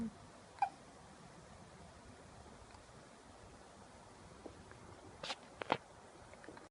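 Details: Baby boy after drinking milk: a few brief, sharp hiccup catches, about three over several seconds, in a quiet room.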